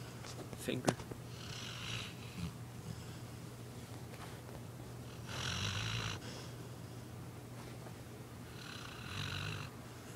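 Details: Sleeping female dog: soft, breathy, fluttering breaths at roughly 14 a minute over a steady hum; gentle snoring.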